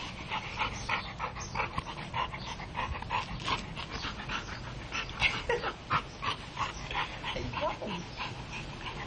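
Quick, breathy in-and-out puffs of a dog panting at about 200 a minute, with no clear sneeze.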